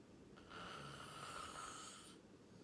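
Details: Person recorded sleeping, snoring: one long, rough, rattling breath against steady room hiss.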